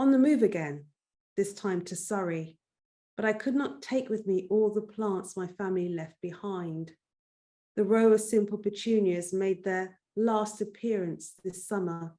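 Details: Adult female speaker reading narration; normal speech.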